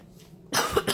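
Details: A single harsh cough burst after quiet room noise, from a girl with a very bad cough recording at about 1 a.m.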